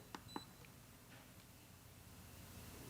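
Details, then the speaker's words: ICU Medical Plum 360 smart IV infusion pump: faint, quick electronic keypad beeps over room hiss as the 4 key is tapped three times to select IV fluid from the drug library. "so i'm going to type in using my alphanumeric keys the 4 key and i'm going to tap it three times ghi to get to iv fluid"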